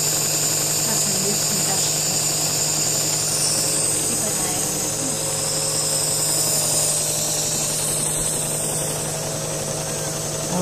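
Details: 16-year-old boy with polymicrogyria, seizures and respiratory problems, congested and coughing, during nebulizer (Atrovent) treatment: continuous buzzing, rapid mechanical pulsing of an airway clearance vest shaking his chest, with steady hiss behind.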